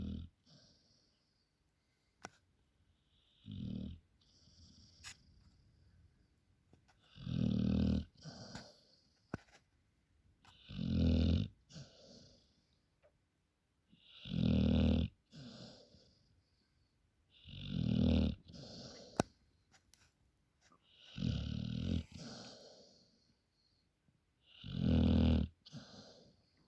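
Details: Dog snoring after a hard working day: regular low, rattling snores, about 16 breaths a minute, an ordinary harmless snore.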